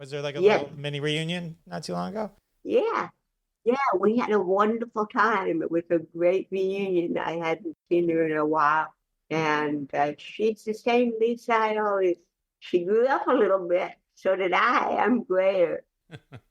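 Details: Dysarthric speech in cerebral palsy, heard in the real conversational speech of an adult woman.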